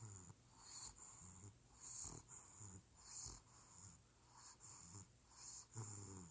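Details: A baby bulldog asleep: fast, noisy, snorting snores with each breath, with a wheezy, whistling edge; snoring through a narrowed airway.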